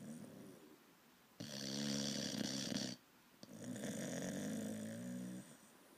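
Two long, loud, rattling snoring breaths from a young bulldog, with quieter breathing between; snoring.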